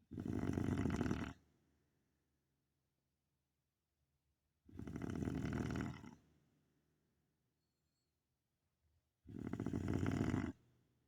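Three loud, rattling snores about every four to five seconds with silence between: heavy snoring from a TV or film scene.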